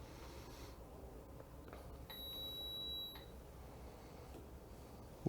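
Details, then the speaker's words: Single steady high beep about a second long as a heated high-flow nasal cannula device (AIRVO 2) for paediatric oxygen therapy powers on before warming up, oxygen tubing attached and flow meter off; device power-on beep. "so you'll hear the beep as we turn it on you'll see the company name and the device name flash on the screen"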